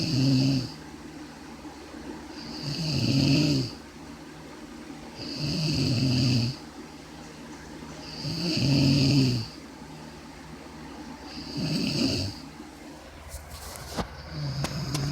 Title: The snoring